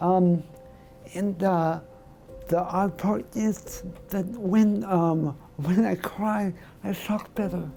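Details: Adult male with segmental dystonia of the voice box, tongue and lips (spasmodic dysphonia with oromandibular/lingual dystonia), tongue thrusting during speech, onset about two years earlier; speaking after Botox injections into the tongue, with results no better.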